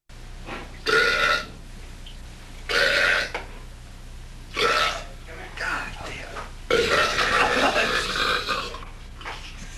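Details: Two men burping while singing, smoking and drinking, recorded in 1986: about five loud voiced belches over steady background hum, the last long and drawn out.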